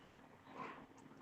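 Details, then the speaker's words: Dog snoring in the background of a room: a single brief, soft, rough nasal snort against quiet room noise. "you guys hearing my frigging dog snort I I can't concentrate it's part of the reason why I'm missing the questions mate can you hear my dog snoring"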